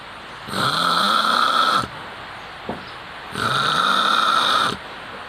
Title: kharate master (snoring sound).